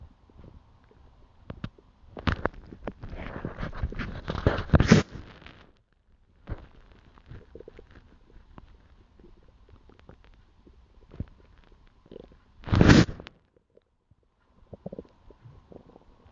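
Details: Scattered gurgles and a few longer rumbling, bubbling bursts between quiet stretches; person recording their own ordinary stomach growling, bowel sounds.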